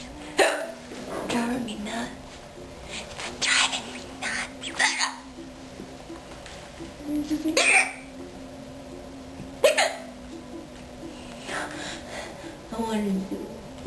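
Several sharp, abrupt voiced gulps at irregular intervals over about fourteen seconds, with some background noise: repeated hiccups.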